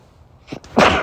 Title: cold sneezes (m)